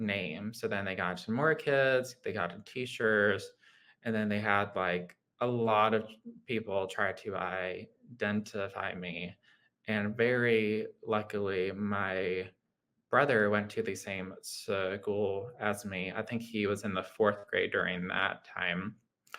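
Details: Adult man with lifelong childhood apraxia of speech: childhood apraxia of speech.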